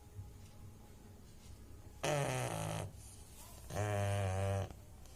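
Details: Two loud, buzzing, fluttering snorts, each about a second long, from a sleeping pug; snoring.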